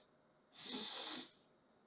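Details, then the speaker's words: Adult with sleep apnea, restricted nasal breathing and a narrow palate, considering EASE surgery, gives one forceful hissing sniff through a blocked nose, demonstrating obstructed nasal breathing. "The second I put my head on a pillow my my nasal cavity is completely blocked. Just even right now [snorts]"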